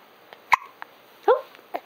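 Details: Young daughter with two or three short, sharp, abrupt gulping hiccups in under two seconds; she first laughs at them, then gets mad; hiccups.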